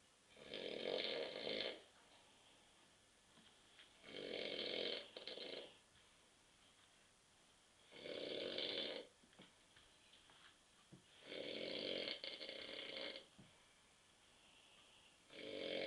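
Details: Adult man snoring asleep on a sofa after drinking many beers: harsh, rasping snores about every 3.5 seconds, about 17 a minute, with quiet pauses between.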